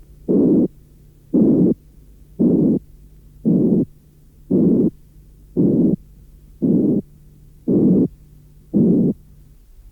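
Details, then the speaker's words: Simulated murmur starting as a narrow band around 460 Hz, with lower frequencies progressively added down to 180 Hz, becoming harsher and rasping; audio from a 1981 cardiac auscultation teaching course. "J’ajouterai progressivement les fréquences plus basses, jusqu’à 180 Hz. Remarquez comme le son devient plus râpeux."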